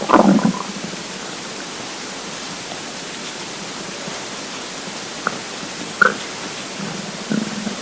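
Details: Stomach rumbling (borborygmi) from a hungry, empty stomach: a gurgling rumble at the start, brief gurgles later and a low rumble near the end over steady hiss.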